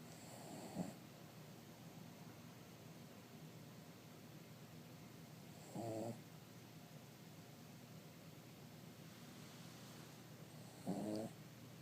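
Brief nasal, whistling snores from a sleeping small dog, about twelve a minute with long quiet gaps; snoring.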